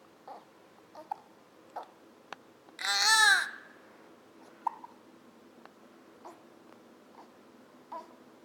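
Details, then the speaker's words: Infant girl with her daily bout of hiccups, not being held: soft, regular hiccups about every 0.7 seconds, with one brief fussy cry partway through; fussing from not being held rather than from the hiccups. "gets these quite often, but she's got the hiccups. She's really fussing more because she's not being held than because she has the hiccups."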